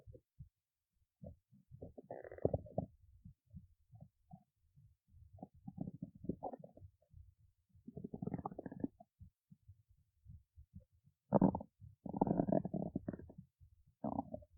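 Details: Irregular bubbling, crackly gurgles and rumbles in quiet surroundings, in a person awake since 1:25 a.m.: ordinary stomach growling.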